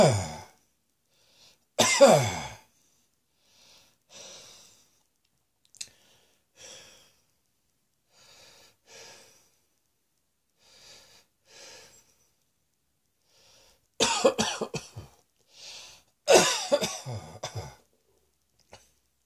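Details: Person lying on a bed, exhausted after much coughing: harsh single coughs, then two bouts of repeated coughs, with tired heavy breathing and sighs between.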